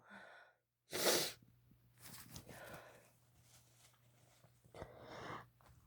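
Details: Sneezing induced with chhinkni snuff: a single strong, wet sneeze burst, followed by quieter breathy sounds and a further exhalation.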